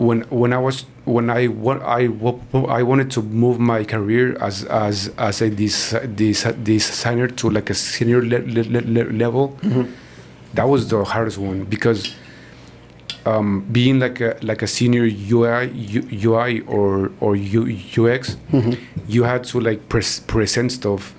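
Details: Adult man who stutters, born in Mexico and based in Texas, speaking in an interview; stuttering.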